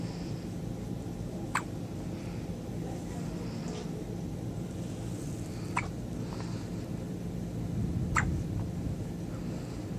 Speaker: Baby. Got the hiccups, man.